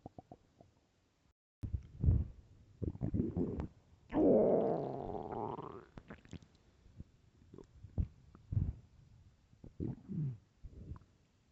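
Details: Hunger stomach growling (borborygmi): gurgling rumbles and one long, loud growl in a quiet room, described as starving.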